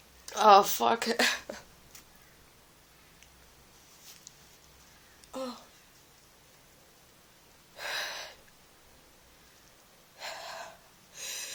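A burst of voiced sneezing, then a quieter gap and a few short breathy sniffs and exhalations; sneezing with a cold.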